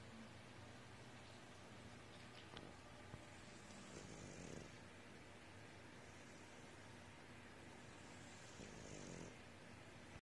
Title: Snoring Bulldog